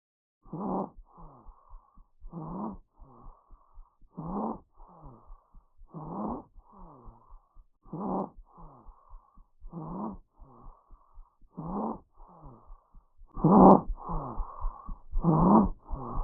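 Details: Rapid, harsh breaths heard over the neck (tracheal), about 32 a minute, with squeaky, high-pitched tones on expiration; abnormal tracheal breath sounds.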